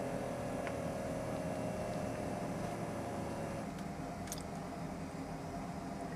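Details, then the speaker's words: Anfly automatic home blood pressure monitor pump buzzing with a faint whine as it inflates the cuff on an adult woman's upper arm, arm resting at heart level, palm up. "So I'm going to go ahead and, turn it on and press the start stop. Here it goes. So it's going right now."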